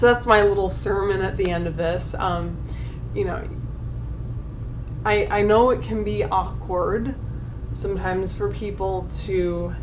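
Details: Adult woman with generalized dystonia affecting tongue, jaw and lips, onset around age 9, after speech therapy and DBS; difficulty with tongue and lip consonants, effortful and painful speech, tongue spasming when worked up; dysarthria from oromandibular dystonia.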